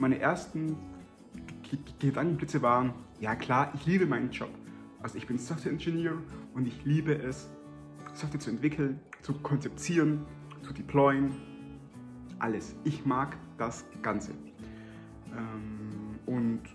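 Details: Stuttering in an adult German-speaking man.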